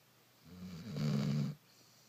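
A single low, rattling snore lasting about a second, from a sleeping dog.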